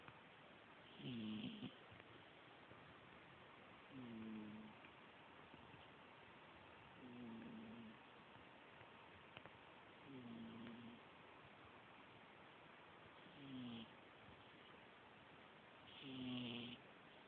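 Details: Cat snoring while asleep: soft, regular snores about 21 a minute, each a brief buzzing breath over quiet room noise.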